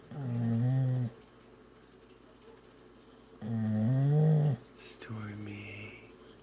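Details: A sleeping dog gives two long, deep, droning snores about three seconds apart, then the start of a third: a dog snoring loudly.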